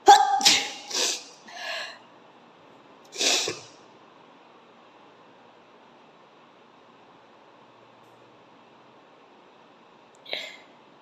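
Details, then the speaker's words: Sneezing challenge: a quick burst of several sharp, hissing sneezes, then another sneeze and a last short one after a quiet pause. "അപ്പോൾ ഒത്തിരി പേര് റിക്വസ്റ്റ് ചെയ്ത പ്രകാരം ഇന്ന് നമ്മൾ sneezing challenge video ആണ് ചെയ്യുന്നത്."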